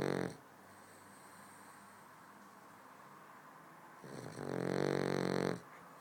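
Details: Boston terrier snoring: two loud rattling snores about four seconds apart, with quiet breathing between them in a small room; ordinary snoring.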